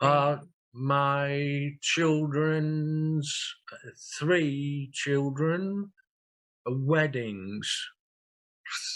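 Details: Non-fluent aphasia in a real 67-year-old man after two large strokes, 18.5 and 6 years earlier; he uses a communication board.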